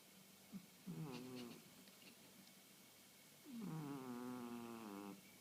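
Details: 1.5-year-old female house cat who has just started snoring daily: two soft, whistling nasal breaths in sleep with a faint buzzy edge; light snoring.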